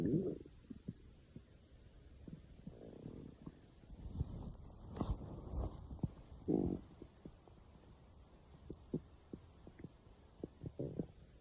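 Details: Low gurgling rumbles with scattered pops and clicks from the belly; stomach growling (borborygmi).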